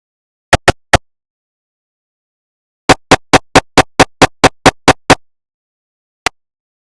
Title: 5 minutes of GE 750w 3T MRI sounds (recreation) (realistic)